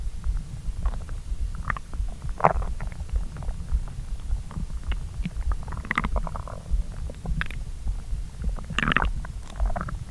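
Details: Adult stomach digesting a late breakfast-lunch of pasta after going without breakfast: continuous low gurgling with frequent bubbling and squelching bursts; active bowel sounds, normal borborygmi.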